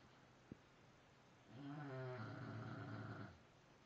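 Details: Bulldog snoring: a single low, rattling snore with a throaty vibration over quiet room noise, preceded by a brief click.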